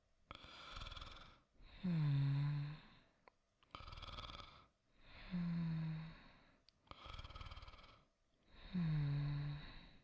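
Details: Simulated snoring by a voice actor: three slow breath cycles, each a breathy inhale with a low rattling snore, then a soft sighing exhale, about 17 a minute.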